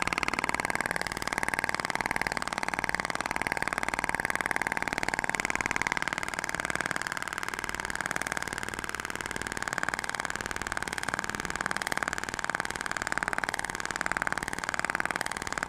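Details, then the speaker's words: Radial shockwave device (IBRAMED Thork, max 200 mJ) firing in continuous, fast, even mechanical buzzing with faint room noise, during a facial skin-quality application in a practical training demo. "e o disparo eles ocorrem distribuído de forma lenta e E aí E aí é interessante que você consegue visualizar a propagação da onda você vê que até o tecido vibra né"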